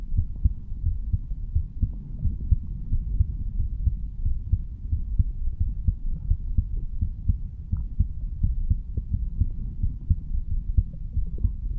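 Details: 35-year-old male standing up, heartbeat recorded at the mitral (bicuspid) valve area: normal heart sounds.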